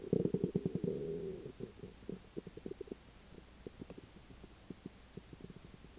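A gurgling rumble, then many quick bubbling pops fading over several seconds; active stomach sounds linked to a stomach ulcer.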